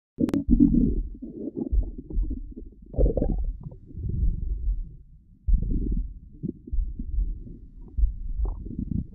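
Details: Stomach growling (borborygmi): low, gurgling rumbles and squelching rolls in irregular waves with brief quiet gaps between them.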